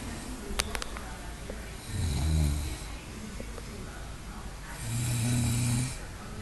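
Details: Two low, rumbling snores on breathing in, about 20 breaths a minute, with hiss and faint background noise; snoring.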